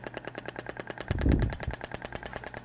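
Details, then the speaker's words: Radial shock wave (ESWT) applicator held static over gelled area at lower 10 Hz frequency, so sound differs from earlier setting: rapid, even train of sharp pneumatic clicks, about ten per second. "então a frequência de 10 uma frequência menor então o barulho é um pouco distinto do outro tá"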